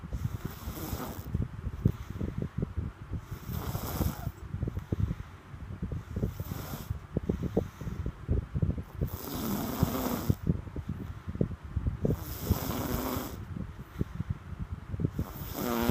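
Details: Rough, fluttering snorts on repeated breaths, about four cycles in sixteen seconds, under a crackly, noisy recording; snoring.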